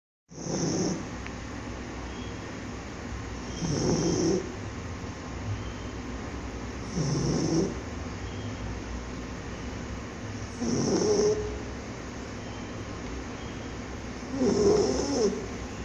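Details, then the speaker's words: Sleeping pug: rough, rattling snores with each inhalation, about 17 per minute, over steady background noise; snoring in a flat-faced dog. "Hey, sleepyhead. What are you doing, snoring?"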